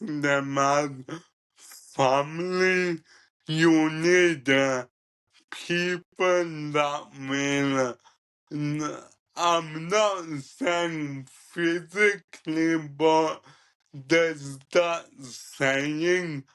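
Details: Ataxic dysarthria in a 27-year-old man with cerebral ataxia, present from birth and diagnosed at about 15; he describes it as degenerative, affecting his coordination, talking, movement and daily tasks.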